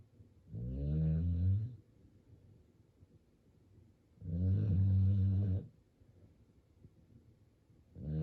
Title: My baby Sumo (American Bully) Snoring Like and Oger seriously lol YES DOGS SNORE LOL 😂